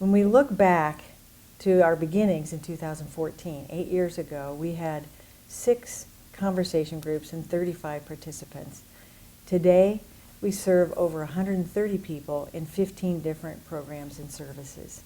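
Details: Adult woman; typical speech.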